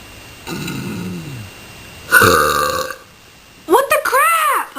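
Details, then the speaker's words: Deliberate burping by a person in their room, who then says their heart hurts: three loud voiced burps, each a low drawn-out belch, the last rising and falling in pitch. "okay here we go for real this time that's a pretty good one got a little props for that one"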